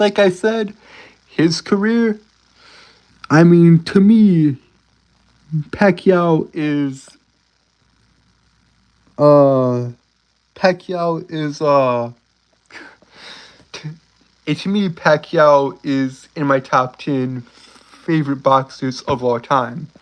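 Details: Male speaker with a self-reported speech impediment he says he cannot control; stuttering.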